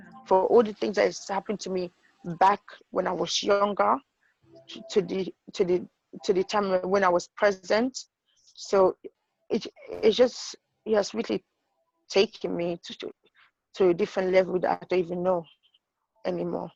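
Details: Adult woman with idiopathic intracranial hypertension and sight loss; acquired stuttering that she attributes to her condition, finding even easy words hard to say. Finding: acquired stuttering.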